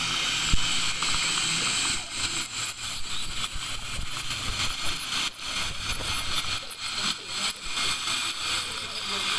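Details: Dental calculus removal: ultrasonic scaler giving a steady high hiss with water spray and suction, varying as the tip moves over the teeth; patient told to close teeth, then open.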